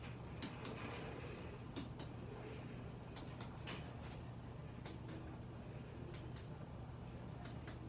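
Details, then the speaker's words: Head-to-toe nursing assessment, patient laid back reclined, abdomen percussed: soft paired finger taps giving a normal tympanic note, with no fluid buildup; normal abdominal percussion (tympany). "they are appropriate so there's no fluid buildup in the abdomen with this good"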